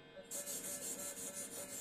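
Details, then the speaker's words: Hissing, rasping buzz starting suddenly and pulsing about five times a second: phacoemulsification handpiece running ultrasound in pulsed mode during a veterinary phaco training-course machine test. "Мощнее ультразвук… Педаль в пол! Полный ультразвук. Педаль до конца…?"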